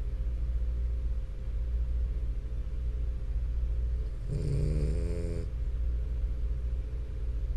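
Steady low rumbling breathing noise with one louder, rattling snort-like snore partway through, fitting a dog's snoring.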